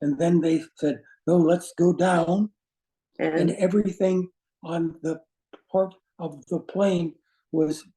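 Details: Aphasia caused by a stroke in an adult man; words do not flow, with difficulty in instant word choice and finding how to say what he wants.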